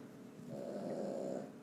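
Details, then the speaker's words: A sleeping dog gives a single low, rough, fluttering breath, rising and holding for about a second, with faint room noise: ordinary dog snoring. "If you hear the snoring, that is the dog. I don't know why he snores every time I get on the video."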